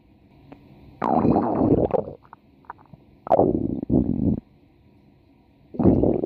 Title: stomach growling for 4 minutes